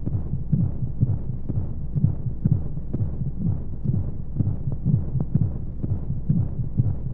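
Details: Womb-sound sleep aid for babies: muffled rhythmic whooshing thumps around 125 a minute under a steady low rumble and flowing white noise, a heartbeat as heard inside the womb.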